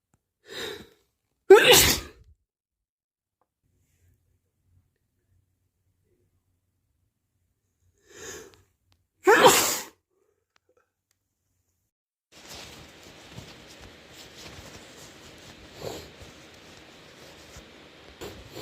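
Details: Cold sneezes: two forceful, wet, powerful sneezes, each preceded by a brief inhaled catch, then quiet rustling.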